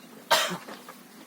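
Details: A single sharp, explosive cough from an adult during physical work, rising suddenly and fading quickly over faint background noise: cough.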